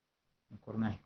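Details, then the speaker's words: Adult vocal imitation of stridor during a lower-airway semiology class: after a brief silence, a short, harsh, strained, high-pitched voiced noise like a forced inhalation, described as air passing through the vocal cords. "le sonaba con un estridor cierto persona es un sonido agudo el aire el paso por las cuerdas vocales es como algo así"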